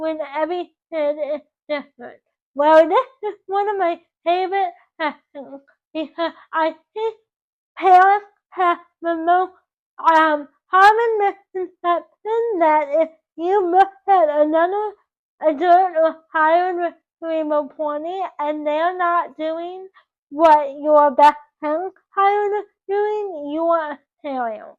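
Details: Dysarthria in a 24-year-old woman with cerebral palsy from oxygen loss to the brain at birth; doctors had predicted she would never talk.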